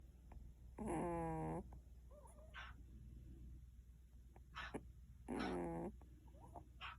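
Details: Rescued stray cat with cat flu, one week into treatment with antiviral injection, eye/nose drops, antibiotics and nebulizer, at its worst: loud, wheezy, rattling, whistling breaths with open-mouth breathing; labored congested breathing from feline upper respiratory infection.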